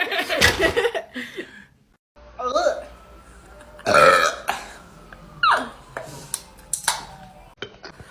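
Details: Young woman deliberately burping after drinking flavored drinks: several loud, deep burps with laughter and chatter between them: voluntary belching.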